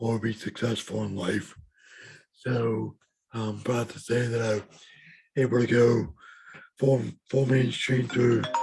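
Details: Adult man with lifelong bilateral severe hearing loss and mild cerebral palsy; speech of a person with severe hearing loss (deaf speech).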